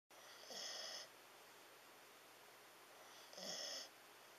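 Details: Gentle snoring from a sleeping Siberian Husky: two soft, airy, whistling breath sounds about three seconds apart over quiet room hiss, roughly 20 breaths a minute.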